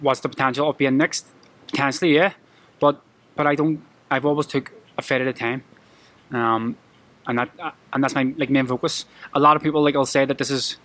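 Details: Adult male professional boxer with a lifelong stammer he struggles with every day; it triggers anxiety at press conferences. Finding: stuttering.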